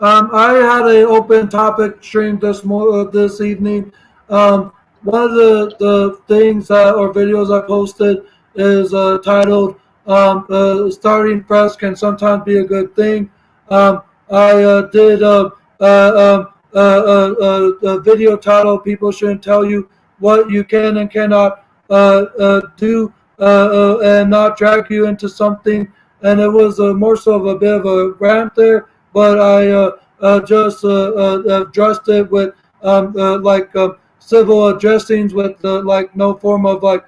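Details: Stuttering in a 32-year-old man who reports lifelong autism, ADHD, bipolar mood disorder and seizure disorders; he says he stutters and talks fast.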